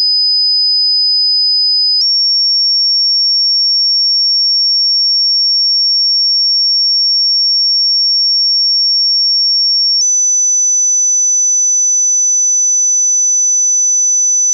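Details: Pure-tone hearing test tones, the same as those used in audiology testing, played low to high at constant loudness; each steady high-pitched tone lasts 8 seconds and only the pitch steps up.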